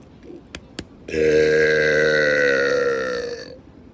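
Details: Man on a boat belching deliberately: two faint clicks, then one long, loud, voiced belch lasting about two and a half seconds; burping.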